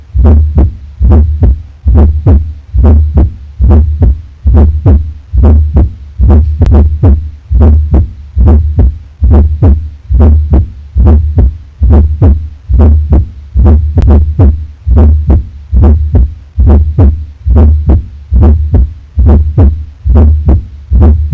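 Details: Auscultation over the back: regular low heartbeats near 70 a minute with an extra soft sound just before the first heart sound, a fourth heart sound (S4).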